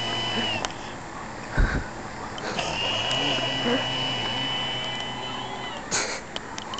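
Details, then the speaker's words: Adult man (dad) snoring oddly: a long, high whistling tone with a low rumbling undertone during a drawn-out breath, framed by short snorting bursts; whistling snoring. "That was Dad snoring."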